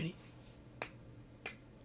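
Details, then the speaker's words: Adult deliberately cracking stiff joints, including the neck, during an ASMR stream: two sharp brief pops in a quiet room, joint cracking. "Now, oh, did you hear that? That was my bones cracking. Oh, should we do that? Do you like that? Like, cracking joints?"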